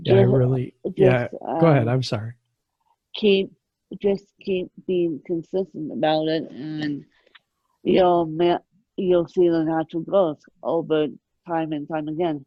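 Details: Adult woman with moderate, mid-spectrum ataxic cerebral palsy present since birth, caused by lack of oxygen at birth, needing 24-hour care; ataxic dysarthria (cerebral palsy).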